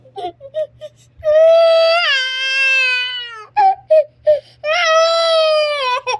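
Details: An infant cries in two long, loud, tonal wails with short whimpering sobs and catch breaths, while caregivers ask about blood and talk of taking the baby to the doctor.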